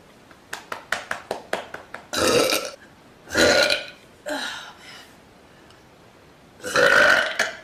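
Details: A run of soft clicks and swallows, then four loud, drawn-out burps; repeated belching from swallowed air, woman sitting on a couch.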